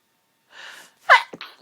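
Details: Itchy, tickly allergy sneeze, pollen-related: a breathy in-drawn gasp followed by one sharp, loud sneeze.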